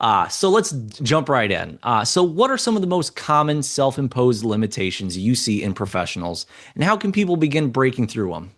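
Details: Adult male speaker; typical speech.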